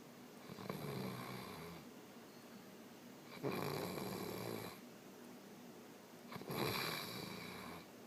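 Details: Snoring from a man asleep in Boracay.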